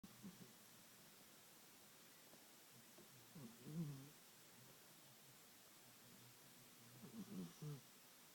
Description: My cat's getting old and she starred snoring.